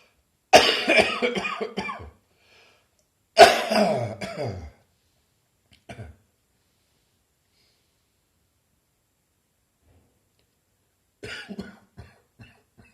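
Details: Lingering bronchitis not fully cleared, recorded on New Year's Day: two loud, harsh coughing bouts followed by softer, shorter coughs; cough from bronchitis.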